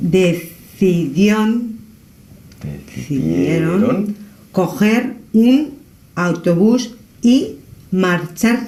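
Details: Adult woman with aphasia after brain damage, continuing to read a paragraph aloud during a language therapist's evaluation, with hesitations and a repeated word.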